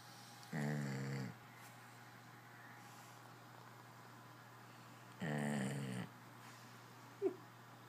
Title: Dude snoring